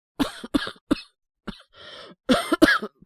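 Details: Acted cough voice by a male voice actor playing a young man with a cold and fever around 38.7°C: several short, harsh cough bursts with brief pauses between them.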